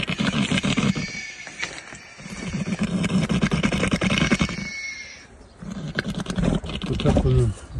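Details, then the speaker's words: Young male horse (colt) badly beaten by other horses, head injury with swelling, mouth unable to close, constant drooling, unable to eat or drink: loud, rough, rattling labored breathing (wheezing). "там его сильно побили другие лошади от чего он не мог есть сильно хрипел у него не закрывался рот и постоянно выделялась"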